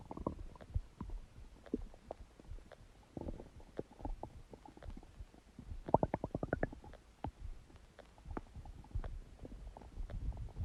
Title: Huge stomach gurgling sound | My Stomach Makes Noises